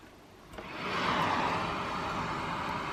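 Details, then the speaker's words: Steady, rising rush of air from a ResMed 10 CPAP used for sleep apnea, blowing freely because the mask is not sealed. "you can hear that noise that's because I don't have any suction to the thing"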